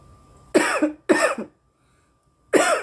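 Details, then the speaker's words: Girl coughing after smoking cannabis, noting that coughing with her mouth open makes her cough more: three harsh, dry coughs in quick succession, each with a raspy, throaty finish. "yeah I think I do notice coughing with your mouth open makes you cough more"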